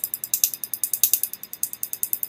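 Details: Rapid sharp snapping clicks at about 10 a second, steady and even, from a Q-switched Nd:YAG laser with 1064 and 532 nm wavelengths removing a neck tattoo on a woman; a pulsed tattoo-removal laser firing.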